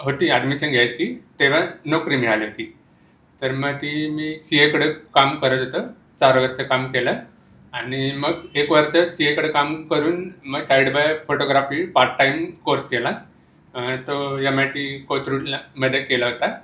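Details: Speech of a man born deaf with congenital profound hearing loss, who uses hearing aids and had speech therapy; the finding is congenital profound hearing loss speech.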